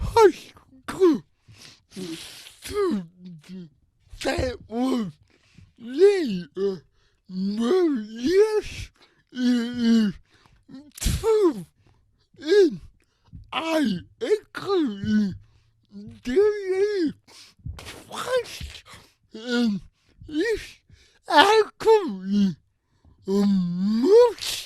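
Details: Adult with cerebral palsy who uses a wheelchair and walker and reports a speech disability; his speech is revoiced by another speaker; dysarthria (cerebral palsy).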